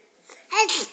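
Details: 9-month-old baby imitating a sneeze after being prompted: a brief intake of breath then a short voiced burst, a playful imitation rather than a true sneeze.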